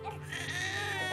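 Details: Newborn boy's sustained, high-pitched, tuneful cry moments after a real delivery, as the cord is cut, hands not blue; a healthy first cry.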